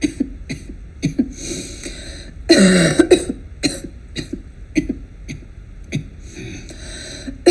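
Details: Infectious cough sound presented in a lecture on cough therapy, distinguished from smoker's cough.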